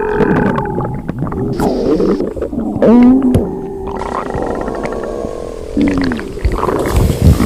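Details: Extremely loud hunger stomach growling: loud gurgling, squeaking and rumbling gut sounds with gliding tones; borborygmi.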